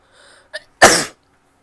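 A short intake and catch of breath, then one loud explosive sneeze burst; an ordinary sneeze.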